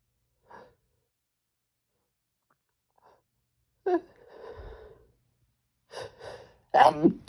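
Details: Brief catching breaths followed by forceful sneeze bursts with exhaled sighs between, part of a series of strong, desperate sneezes with a few stifles; repeated sneezing.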